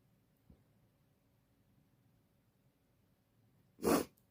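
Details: Female, unsure whether coming down with something or allergies, sneezing all day with a red nose: quiet room, then one short, sharp, muffled, stifled sneeze near the end.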